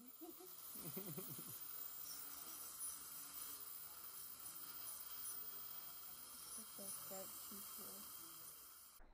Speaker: that is what i have to listen to all day long when i'm using the cavitron to do the cleanings the cavitron is also called an ultrasonic scaler which uses high frequency vibrations